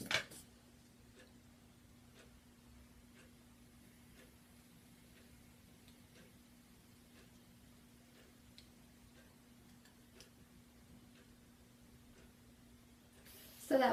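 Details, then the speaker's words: Faint, regular ticking, roughly one a second, in a quiet room as the cuff deflates during a cardiovascular assessment in an ASMR medical exam; woman who usually runs low pressures reads 100 over 74, a normal blood pressure. "that was 100 over 74."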